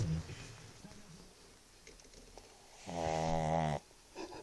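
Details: Chug dog sleeping with her head in the owner's pocket: a single loud, rumbling, voiced snore rising out of quiet room noise, with soft breathing before it; snoring.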